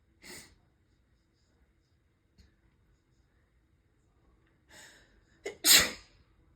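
A quiet room with soft hissy breaths building to a sharp inhale and one loud, explosive sneeze; sneezing.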